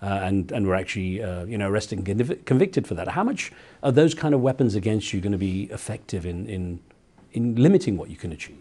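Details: Adult male speaker; normal speech.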